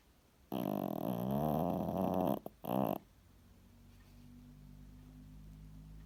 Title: My dog snores so bad